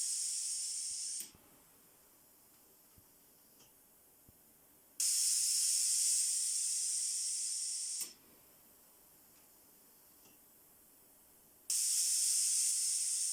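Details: Pressure testing of a low-cost COVID-19 mechanical ventilator prototype using pneumatic valves: loud air hisses about three seconds long alternate with quiet pauses, about eight per minute, as the valves cycle air in and out.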